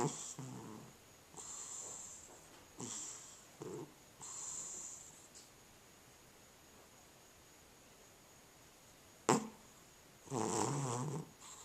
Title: Cat Snoring